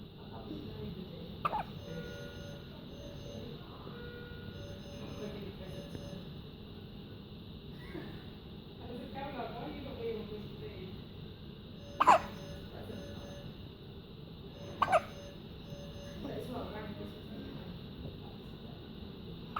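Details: Hiccups recorded 27.10.15: a few brief, sharp hiccup sounds spaced several seconds apart over a steady background hum and faint talk.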